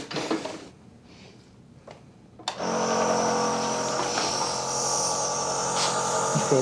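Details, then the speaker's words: In a GP surgery, a patient in a severe asthma attack who has taken about six inhaler puffs today is put on a nebulizer: a brief click, then a steady mechanical hum and hiss as the compressor starts and runs; nebulizer running. "I'm going to get you a nebulizer now so we can talk a bit more okay"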